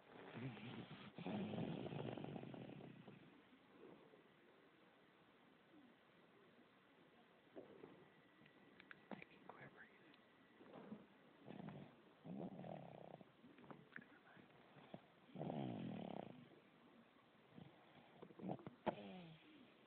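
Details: Soft, rough, rattling breathing noises that come and go with pauses between them; quiet snoring.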